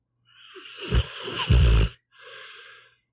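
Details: Pitbull dog asleep, audio only: a rough, snorting snore on breathing in, followed by a softer breath out; snoring.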